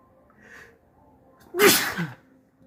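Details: A short breath in, then one loud, wet, forceful sneeze.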